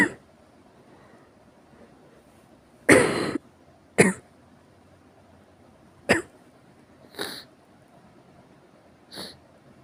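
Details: Six harsh, explosive coughs separated by pauses in a quiet room; a forceful, repeated, severe cough.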